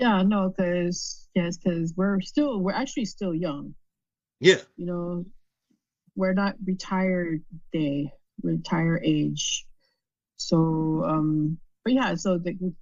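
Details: Adult with aphasia after a stroke, below retirement age, with difficulty understanding in meetings and needing repetition; conversational speech; aphasia.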